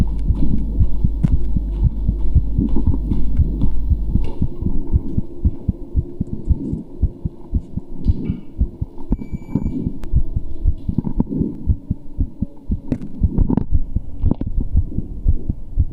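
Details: Rapid, strong, low thumping heartbeat of a muscular male, with a steady hum and some rustling in the background; heartbeat.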